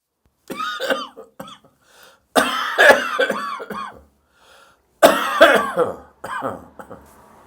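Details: Adult's dry morning cough after drinking too much beer the night before: several harsh, dry, voiced coughing bouts with throat clearing, no wet rattle.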